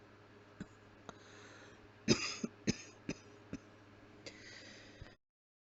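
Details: Simulated closed-mouth cough: a short run of muffled coughs made with the mouth closed, acted on request, in a quiet room.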